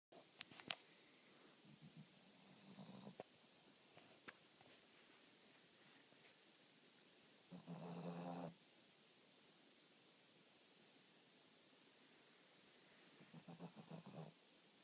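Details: Shih Tzu dog: soft, brief snorting breaths at intervals over steady background hiss, with one louder rattling breath in the middle; light snoring.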